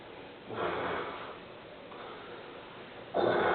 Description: hidden camera watch him snoreand fart